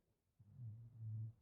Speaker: If you can hear any snoring, it's Penny. It's nap time for Penny. So if you can hear snoring, it's Penny.